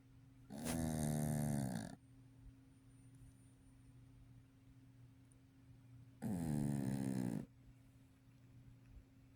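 Two long rattling, buzzing snores about five seconds apart, with quiet breathing between; steady background hum.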